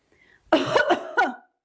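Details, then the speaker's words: Voluntary cough manoeuvre demonstrated by a physiotherapist for post-lung-surgery secretion clearance: a faint breath, then two or three quick forceful coughs with the abdomen drawn in, not inflated. "Z öksürük iki şekilde. Ya nefes alarak öksürmemiz lazım ya nefes vererek öksürmemiz lazım."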